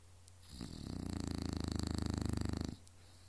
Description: She wouldn't believe me when I told her she snored.